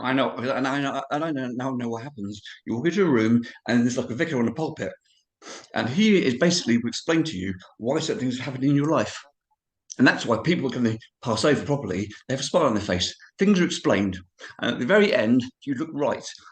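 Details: Adult man of about 51-52 with cerebral palsy, also living with HIV, describing his own speech impediment; dysarthria (cerebral palsy).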